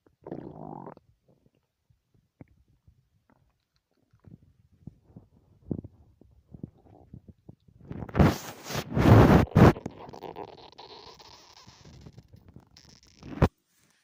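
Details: Scattered soft gurgles and clicks build to a loud rumbling growl, then fade, after not eating for three whole days: stomach growling (borborygmi) from an empty stomach.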